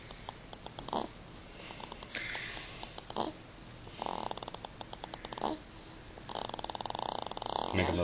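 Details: Repeated fluttering, rattling snoring breaths with brief sniffing sounds between them; snoring.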